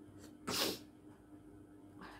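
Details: Single sharp, hissing sneeze performed deliberately into a hanky as part of a sneezing and cough challenge, in a quiet room; simulated sneeze.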